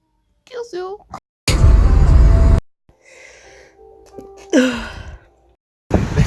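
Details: A loud, explosive sneeze among short vocal sounds and a faint tone.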